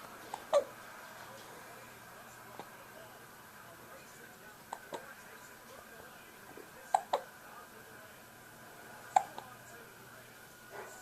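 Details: Hiccups during preliminary crawl practice, recorded May 2011 with a Flip Video camera: soft, sharp hiccups roughly every two seconds, about 27 a minute, over quiet room noise.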